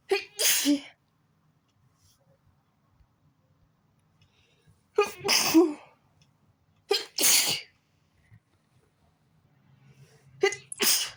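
Five sharp sneezes in a row, a couple in quick pairs, separated by quiet pauses: a sneezing fit.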